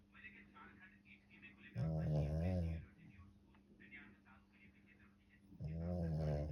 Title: SNORING 😂😂😂🤦‍♀️